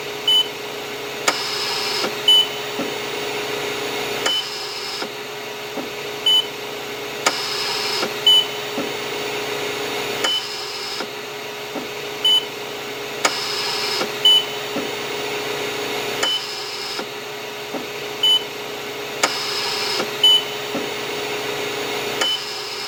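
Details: A sound effect of a hospital mechanical ventilator: a steady machine hum, rhythmic air cycles about every three seconds, and short periodic beeps.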